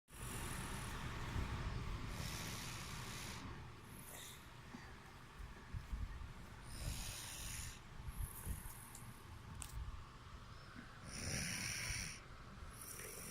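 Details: Sleeping adult snoring: rough, rattling snores with hissy bursts on each breath over steady room noise.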